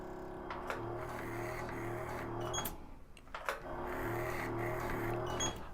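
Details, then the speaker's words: Micro-needle injector with 19 needles running during live hyaluronic acid skin treatment of a 27-year-old woman: steady motor hum with rapid repeated mechanical pulses and brief pauses. "I'm doing treatment and if you put the 19 MTI needles on H skin surface and then press the full switch we can't see anything on our skin surface"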